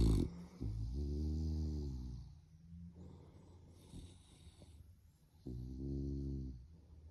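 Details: Puppy sleeping in a bed in the morning: two long, low, rumbling snores with quieter breathing between them; ordinary snoring during sleep.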